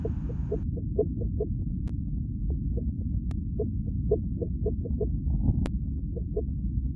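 Rapid, rhythmic pulsing thumps over a steady low rumble, consistent with a fetal heartbeat on Doppler.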